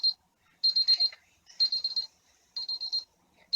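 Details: Several bursts of rapid high-pitched electronic beeps as a digital thermometer signals a completed reading, taken on an adult by a student nurse during a vital-signs demonstration; the reading was 36.5 °C, within normal range.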